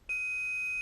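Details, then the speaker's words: Philips HeartStart Home AED training video, pads applied and device analyzing heart rhythm: steady high-pitched electronic tone while no one should touch the patient; AED rhythm analysis tone. "Now, the defibrillator immediately begins to analyze the patient's heart rhythm."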